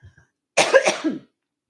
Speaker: you're going to hear me coughing more and I'm probably going to have to get off soon